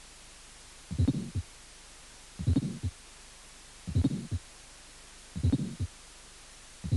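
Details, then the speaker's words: Severe aortic stenosis: fourth heart sound, long ejection systolic murmur, small second sound with reversed (paradoxical) splitting of the aortic component; slow heartbeat, soft second sound. "estenosis aórtica severa con cuarto ruidos soplos sistólico ejectivo largo segundo ruido pequeño con componente aórtico es doblado invertido"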